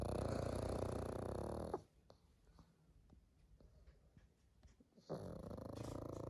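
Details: Pug snoring: a loud rattling snore, then a quiet pause with faint clicks, then the snoring resumes.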